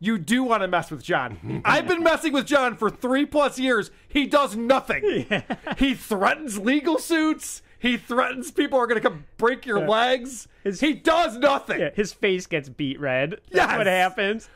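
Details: Adult male speaker; no disorder.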